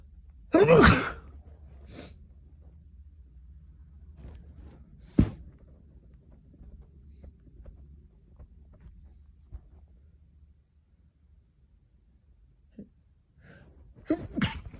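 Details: Sneezing fit: a loud sneeze, then a few smaller sneezes or sniffs and another burst at the end, a run of repeated sneezes.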